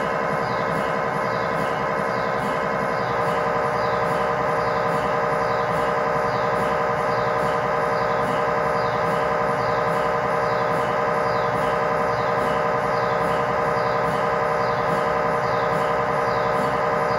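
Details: Loud, steady, rapidly pulsing mechanical buzzing with a ringing tone, from an MRI scanner during a test tibia/fibula (lower leg) scan with a GE high-definition lower-extremity coil (stated as 8- or 16-channel), in a controlled environment.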